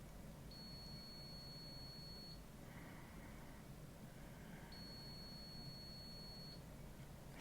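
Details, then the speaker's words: Two long, steady high beeps repeating over room hum; an enteral feeding pump alarm from a hospitalised patient's nasal feeding tube, placed to bypass the stomach after over two weeks of being unable to eat or drink. "n station my uh feeding tube is beeping I'm sorry what was that feed pump beeping okay I'll let your nurse know"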